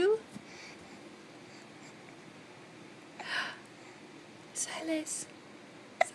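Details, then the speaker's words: Infant boy in a Bumbo seat hiccupping: a few brief, abrupt catches of breath in a quiet room, the last a sharp click-like sound. "got the hiccups"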